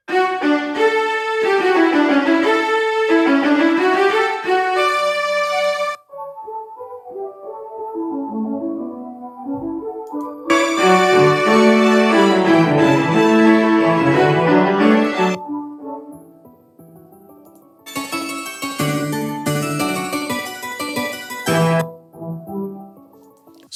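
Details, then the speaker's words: Simulated bilateral severe high-frequency sensorineural hearing loss applied to classical music (violin and piano), still audible and rhythmic but sounding flat and dull, with tonality, timbre and vibrancy diminished; right side played first. "as you can tell it sounds a bit flat the audibility is there a lot of the instruments are there but you're not getting that tonality the timber a lot of the sort of color and vibrancy of the music is diminished because of this loss"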